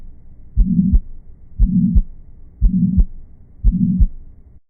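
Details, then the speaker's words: Regular heartbeat near 59 a minute with a steady whooshing murmur filling the whole gap between heart sounds: a pansystolic murmur, found in mitral regurgitation, tricuspid regurgitation and ventricular septal defects. "La bonne réponse est : souffle pansystolique ! Ce type de souffle se retrouve dans les régurgitations mitrales, les régurgitations tricuspides et les communications interventriculaires."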